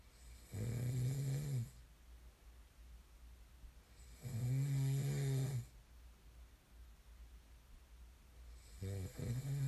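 Loud, low, rattling snores on each in-breath, roughly 15 breaths a minute, with quieter out-breaths between; ordinary snoring.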